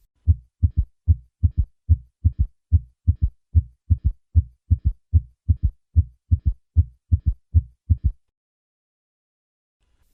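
Regular low heartbeats at about 74 a minute, with a faint extra low sound after the second sound.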